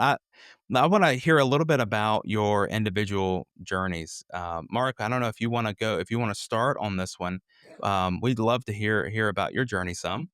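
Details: Adult man speaking; normal voice.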